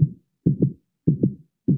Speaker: Here, you can use it to listen to my heartbeat. Wow, Ma! It's playing tabla! Don't tease your brother. Here, listen to your own heartbeat.